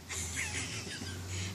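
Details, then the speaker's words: Siberian husky dog (Kendra) with continuous noisy, wheezy, congested rattling breathing and low phlegmy hum; owner says she has phlegm and asthma ("halak", "hika") but is unsure it is asthma. "Ito yung may sound. Kasi may halak siya, may hika. Hika ba yun?"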